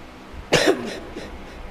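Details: A single harsh cough burst from a child with a cough and cold, followed by a quieter trailing breath, in a room.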